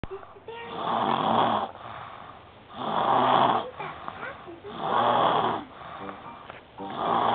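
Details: Baby snoring during a nap: regular rough snoring on each breath, about 30 breaths a minute, in a quiet room.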